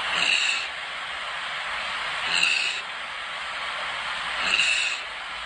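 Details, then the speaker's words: Three short, noisy, hissing, shallow gasps in five seconds, shown as the last stage of breathing before respiratory arrest or death; agonal breathing. "this video perfectly demonstrates agonal breathing it's these shallow breasts sometimes they can be a little noisy sometimes they can be more quiet and a lot of times you'll see the patient sort of gasping for air"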